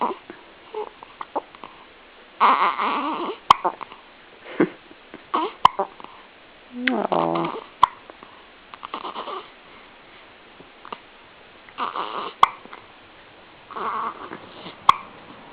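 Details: Infant hiccups after feeding: sharp, brief hiccup clicks recurring every couple of seconds between soft infant fussing sounds.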